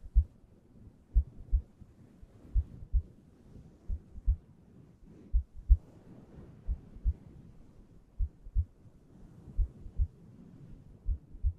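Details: ASMR heartbeat recording meant for relaxation and sleep: soft, regular, muffled, deep lub-dub thuds at a calm resting rate; a normal heartbeat.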